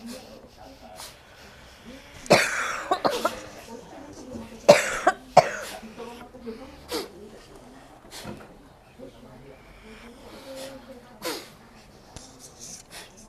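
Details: Several loud coughs among soft murmuring and throat noises in a quiet room during an Islamic spiritual healing (ruqyah) session in Singapore; the recurring cough comes from a patient described as having frequent fever, frequent cough and shoulder pain.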